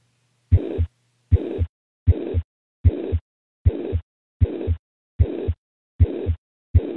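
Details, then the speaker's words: Teaching-lecture example of a high-pitched heart murmur: a regular heartbeat of about 78 a minute with a high-pitched blowing murmur filling the gap between the two heart sounds. "this will create a subjectively serious sounding murmur which is frequently termed harsh here's an example of a high pitched"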